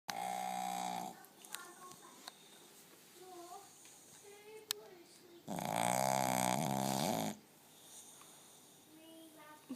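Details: Blind dog napping, snoring louder than an adult man: two loud, buzzing, snorting breath sounds separated by quieter snuffling; dog snoring.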